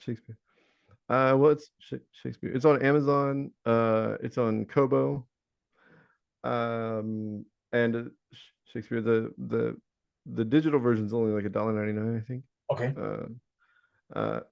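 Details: Adult male Navy veteran with Tourette syndrome; most common vocal tic is the word "Shakespeare", among other tics, occurring hundreds of times daily, which he links to OCD (vocal tic, Tourette syndrome).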